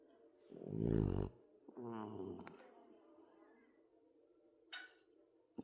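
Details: Hank, a sleeping dog, gives a loud rumbling snore, then a quieter snorting breath and a short sniff; snoring.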